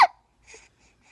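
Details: Hiccups: a single sudden, sharp voiced hiccup, then quiet breathing; an ordinary hiccup.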